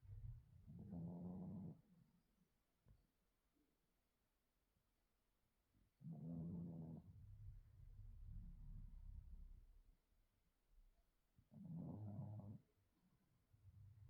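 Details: 8-year-old female Chihuahua, recently spayed, with false pregnancy and weight gain, asleep at home after major trauma; soft, low rumbling snores, about 11 per minute, quiet between: snoring.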